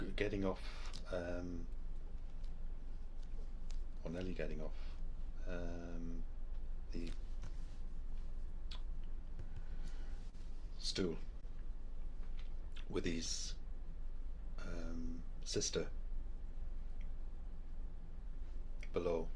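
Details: Patient with logopenic variant primary progressive aphasia describing a picture; non-fluent from many pauses and word-finding difficulty; temporoparietal junction atrophy, mostly Alzheimer's-caused; memory and daily activities preserved; logopenic primary progressive aphasia.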